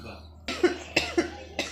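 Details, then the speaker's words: A young child, just woken and about to eat and take medicine for his cough, gives a short run of about four quick, moist coughs in a quiet room. "bangun tidur terus makan mau minum obat dulu karena batuk ya. Batuk ya batuk kasihan."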